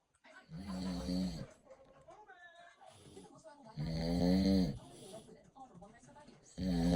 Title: Sawing logs. #snoring #snore #husband #husbandwife